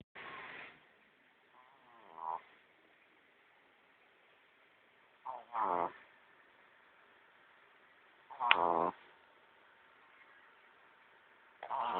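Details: Pepper snoring while sleeping: irregular short rattling, snorting breaths every few seconds, about twenty a minute, in a quiet room.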